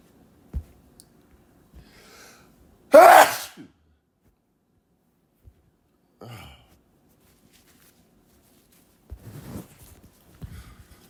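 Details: Sneeze after a lingering nasal tickle: one loud, explosive sneeze followed by softer sniffs and breathy sounds.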